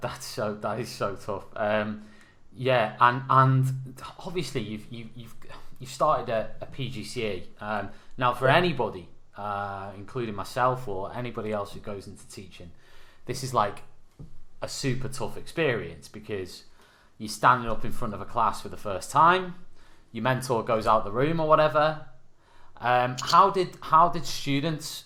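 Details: Adult male speaker; normal speech.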